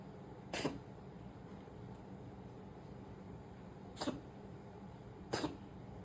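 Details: Pet cat gives three short, sharp coughs spaced a few seconds apart over quiet room hum.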